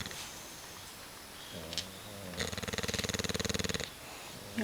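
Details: Bulldog snoring during sleep: a low, rough, fluttering sound on one breath, with steady rapid vibration from the upper airway.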